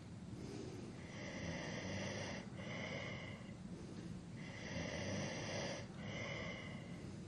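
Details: Adult male snoring during sleep, from a long sleep-aid recording: rough, rattling snores with each breath, roughly 18 a minute, over steady background hiss.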